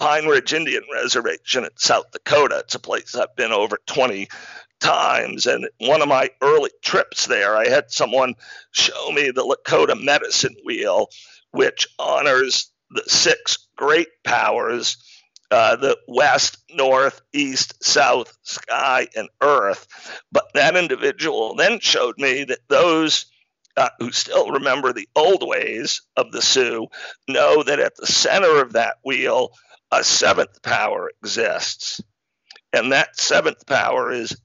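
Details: Adult man with spasmodic dysphonia, onset around 2010 and diagnosed in 2012, a rare neurological disorder causing partial voice loss; much improved over about a decade but voice still described as a bit unique; real; spasmodic dysphonia.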